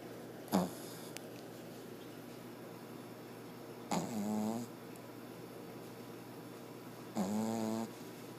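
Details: Puppy snoring: three snorting, buzzing breath noises a few seconds apart against quiet room hum during sleep.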